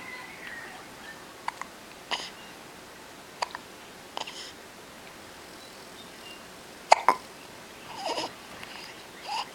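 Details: Baby with ordinary hiccups: brief sharp hiccup sounds at irregular intervals in a quiet room, with a few soft vocal sounds.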